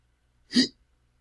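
A single abrupt, voiced hiccup from an adult man, caught in a quiet room.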